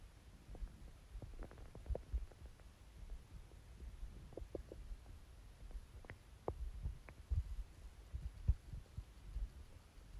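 Low, soft watery gurgles and rumbles coming and going, over a steady hum. Stomach growling, a normal sound of gut movement.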